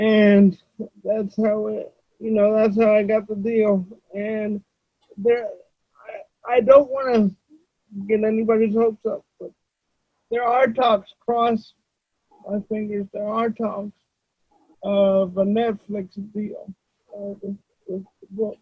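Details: Adult male with cerebral palsy, who reports that voice-recognition software fails to understand him about half the time; dysarthria due to cerebral palsy.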